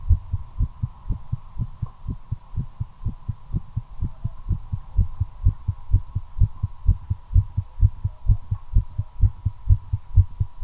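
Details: Fast, regular heartbeat at roughly 120 beats a minute with a steady hum behind it, recorded while smoking a cigarette; heart rate accelerating from nicotine, tachycardia.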